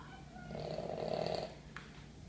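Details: Sleeping Boston terrier snoring: a single soft, rattling snore on the breath.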